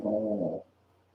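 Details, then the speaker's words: Daisy snoring heavily during sleep. "can you hear daisy snoring a lot of logs"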